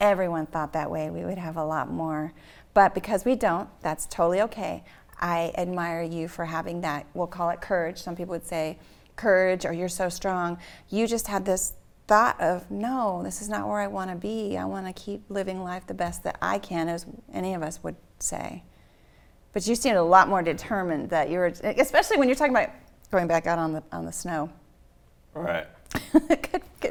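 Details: Adult woman speaking; typical speech.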